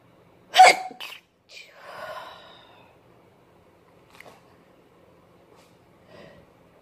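A loud, forceful sneeze, then a smaller one and a few faint stifled sneezes: a sneezing fit.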